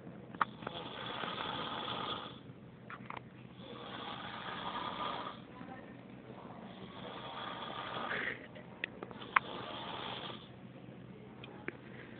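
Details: Snoring: rhythmic rough rasping sounds on each breath in, about four cycles over twelve seconds, with quiet gaps between.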